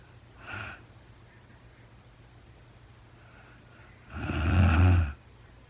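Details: Real-time recording of a woman sleeping: a soft breath, then one loud, low, rattling snore on the in-breath against a quiet room background; snoring.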